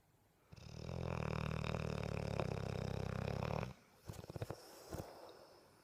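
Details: Sleeping, dreaming Bullmastiff: one long, loud, rattling snore followed by a few soft snorts and whimpers; snoring.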